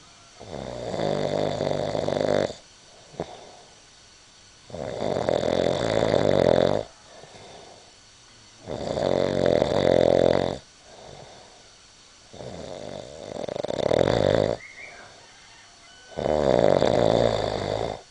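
Loud, rattling snores on each in-breath with quieter out-breaths, about 13 breaths a minute: snoring.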